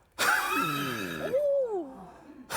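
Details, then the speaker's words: A strained run of coughing in a child ends in a long, high-pitched drawn-in breath after struggling to breathe, the characteristic whoop of whooping cough (pertussis). "보통 미국이나 영국권에서는 우핑 커프라고 해서 기침 끝에 소리에 이 소리가 들려요. 숨을 이게 왜냐면 계속 숨을 못 쉬었다가 숨을 한번 욱 하고 들으시죠. 그래서 미국이나 영국에서는 우핑 커프라고도 불립니다."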